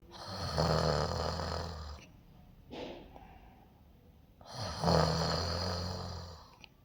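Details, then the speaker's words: Two long, rattling, low-pitched snores on inhalation with a quiet breath out between, during sleep; ordinary snoring. "खर्राटे लेना एक आम समस्या लगती है। लेकिन इससे ना सिर्फ आप परेशान होते हैं बल्कि आपके आसपास के लोग भी परेशान होते हैं।"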